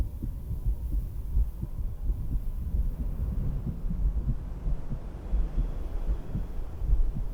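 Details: Own adult heartbeat through a stethoscope while sitting at a beach house: steady, regular low thumps with faint wind noise; normal heart sounds.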